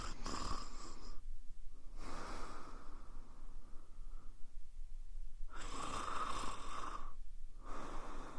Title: Woman Snoring Sound Effect